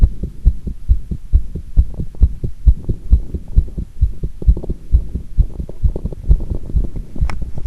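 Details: Recorder's own heart sounds with pressure applied after doing squats: fast, mostly regular heartbeat at about 130 beats a minute with one brief irregular beat.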